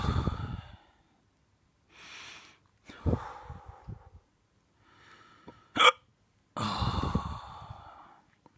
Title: More drunk hiccups!